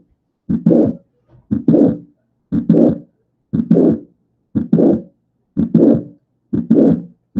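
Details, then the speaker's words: Mitral valve prolapse: a midsystolic click followed by a late systolic murmur of mitral regurgitation. "Vean cómo a la mitad de la sístole se escucha un clic y posterior a ese clic en el soplo. Eso nos dice que es un prolapso."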